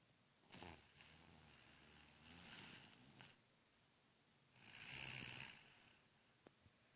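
Two slow, rough breathing noises about four seconds apart, a fluttering low rumble on the in-breath, against quiet room noise: snoring.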